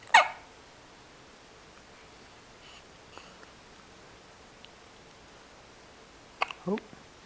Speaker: Hey, somebody's got the hiccups this morning.